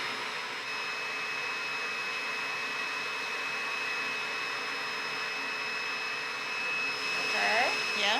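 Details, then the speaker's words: Smoke evacuator running while a loop device melts and debulks a large seborrheic keratosis on the side of a 58-year-old woman's head: steady rushing suction hiss with a faint whistle throughout. "just a little bit too processed vacuum sometimes gets a little smoky okay okay right yeah"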